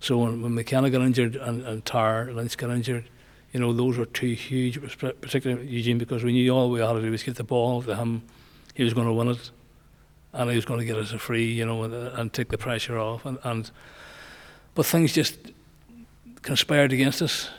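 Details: Man nearly 65 with Parkinson's disease, voice problem noticed before diagnosis, also word-finding difficulty; hypokinetic dysarthria (Parkinson's disease speech).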